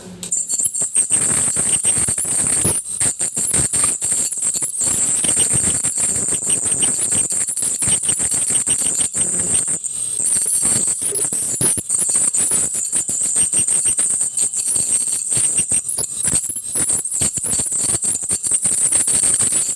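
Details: Continuous high-pitched hiss and whine with crackling water spray and suction noise from an ultrasonic scaler during dental scaling (teeth cleaning).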